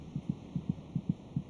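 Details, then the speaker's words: Rapid, regular paired heart sounds at about 150 beats a minute, beating about twice as fast as the mother's; normal fetal heartbeat. "by week 26 it may just be possible to hear the fetal heartbeat by putting your ear against the mother's abdomen the fetus's heart beats about twice as fast as the mother's"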